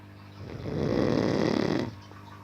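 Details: Adult man in deep sleep: one loud, rough, fluttering snore on inhalation, rising and falling over about a second and a half.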